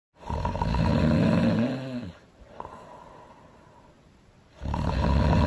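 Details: Animated film character Elsa (Frozen) snoring loud: loud, rough snoring breath, a long rattling inhale with a quieter pause between breaths.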